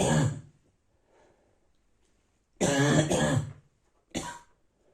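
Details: Adult with a bad cold and pain inside gives a morning run of three harsh, dry, barking cough bursts with faint breaths between; dry barking cough.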